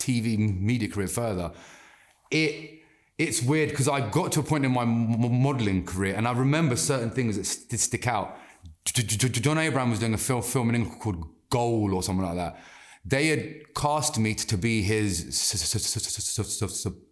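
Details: Adult man with stuttering (stammer) since childhood that has persisted into adulthood, with blocks; he reports it worsens with nerves, stress, mental translating or speaking Hindi, and that he can control it by slowing down and taking a breath.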